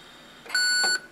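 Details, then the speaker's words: Siemens Servo 300 ventilator, airway pressure too high demonstrated: single steady high electronic beep, part of intermittent beeping with flashing red airway pressure light; high airway pressure alarm, which cannot be silenced. "you hear intermittent beeping like that that usually indicates this alarm is sounding"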